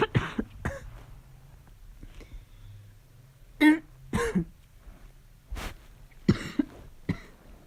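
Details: Several harsh, abrupt coughs with a hoarse, barking quality, separated by quiet pauses in a small room, during a fall cold: a barking cough.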